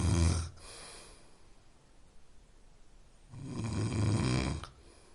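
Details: Two deep, rough snoring breaths about three seconds apart with a quiet pause between; ordinary adult snoring, offered as a sleep-aid sound.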